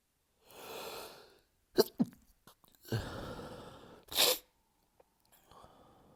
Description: Can’t leave the house because allergies are kicking my ass. Even at home I can’t stop.